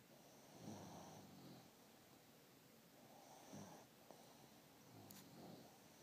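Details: Adult man snoring: soft, rhythmic rasping snores, about one every three seconds, with a slight whistle on each breath; quiet room.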